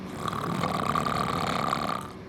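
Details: Man whose ENT found an overly floppy soft palate, flapping like a sail in the wind when he snores: one loud, rough, fluttering snore on a single breath; snoring from a flaccid soft palate.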